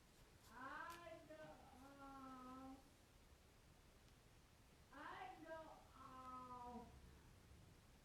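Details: 32-year-old man with cerebral palsy needing round-the-clock care, heard vocalizing loudly but faintly in the background from upstairs; nonverbal vocalizations in cerebral palsy.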